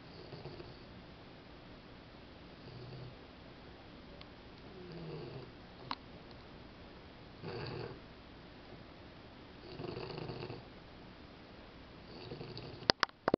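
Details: An English Bulldog puppy snoring again: soft, low snores repeating at irregular intervals a few seconds apart in a quiet room, with a sharp knock at the end.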